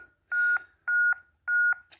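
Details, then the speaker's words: Steady paired electronic tones about every 0.6 seconds from a ZOLL M2 in AED defibrillation mode, pacing chest compressions at 100 to 120 a minute; AED CPR metronome. "continue with our monitoring our rates make sure that we are between 100 and 120 and my depth should be telling me to push harder because my depth is not good enough"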